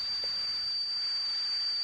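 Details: Simulated tinnitus of the tea-kettle type, demonstrated as one of the common tinnitus sounds: a steady high hiss with a thin whistling tone.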